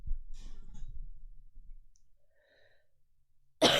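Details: Cough from a 24-year-old who says she coughs a lot; a short burst of ordinary coughing, then quiet, with a loud noise at the end.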